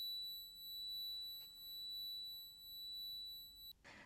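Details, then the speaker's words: Simulation of an audiologist's own tinnitus: a steady high-pitched ringing tone heard in both ears for years, with no outside source. "i have a high pitch ringing sound in my both ears and it sounds like this so"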